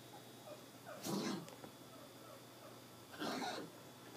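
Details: Dog with kennel cough, on medication, giving two short, harsh, dry coughing bursts.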